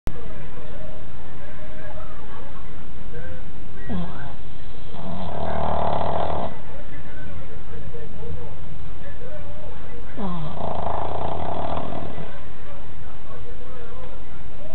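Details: Sleeping dog that owner says sleeps 22 hours a day: two loud, rough, rattling snores about six seconds apart; heavy snoring.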